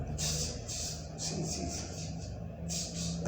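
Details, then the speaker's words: Teaching audio on chest auscultation, within a discussion of voice transmission and tuberculosis: whispered pectoriloquy, soft hissing whispered syllables transmitted clearly through the chest wall, a sign of abnormal voice transmission. "la pectoriloquia es el cuchicheo es como estuvieran"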